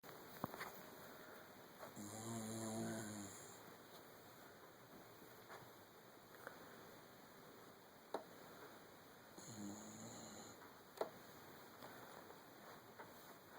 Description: this is my dog bear and yes thats him snoring away at night